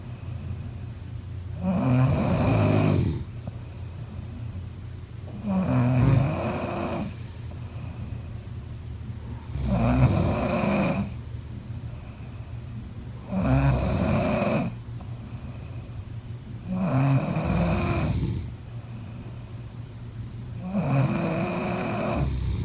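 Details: Six low, rattling sleep snores, about every four seconds (roughly 16 a minute), with quiet pauses between: snoring.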